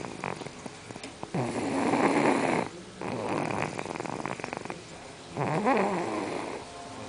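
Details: Girl snoring during sleep: loud, rough, fluttering snores with each breath, about three every seven seconds; ordinary snoring.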